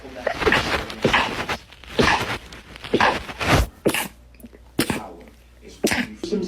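A rapid run of short, muffled sneezes, roughly one a second, in a small room: stifled repeated sneezing.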